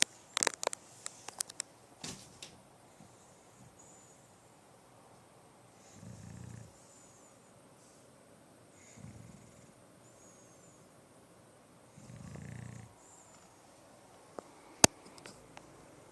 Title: Max the Bulldog Snoring